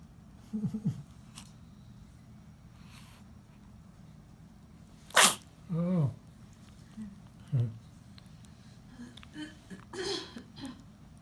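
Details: Newborn baby in hospital sneezing: one sharp, explosive sneeze, then brief fussy vocal sounds and faint room noise.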